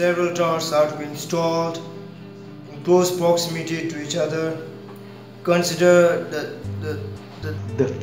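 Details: Acted short film about a stammering student giving a class presentation, with a word repetition; stuttering.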